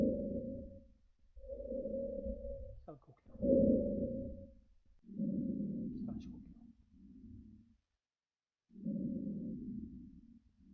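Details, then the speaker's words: Simulated normal breath sounds on a web-based auscultation trainer, front of the chest, each played inspiration then expiration: tracheal, then bronchial, then vesicular, each softer than the one before; vesicular sound is heard mainly on inspiration. "肺胞呼吸音。このような形で部位によって音が違う。"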